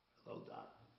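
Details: Man with current laryngitis who can hardly talk; hoarse weak voice (laryngitis).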